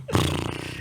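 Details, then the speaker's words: Imitated snoring: an adult makes a brief, rough, rattling snore on a breath in, illustrating the "little truck" snore produced by pharyngeal vibration. "E tem o ronco que esse cara faz né? Ou o caminhãozinho. Meu pai fazia caminhãozinho."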